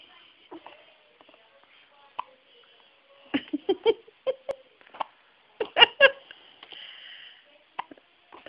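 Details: A person with hiccups: short, abrupt breath catches recur among quiet vocal sounds in a small room.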